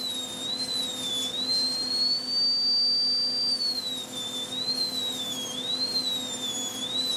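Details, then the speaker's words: Dental lab: high-pitched whine rising and falling with speed as a high-speed handpiece grinds indicator-spray-marked high spots inside a cast metal crown coping to fit it onto the stone die. "look on the inside and see the little black areas there well we're going to believe those with our handpiece or high-speed and then try to try to fit it down again"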